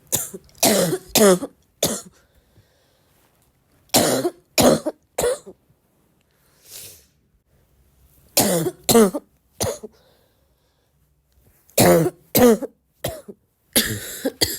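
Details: Girl with a bad barking cough: repeated harsh, hoarse coughs in short groups of two or three, with a deep barking, brassy tone.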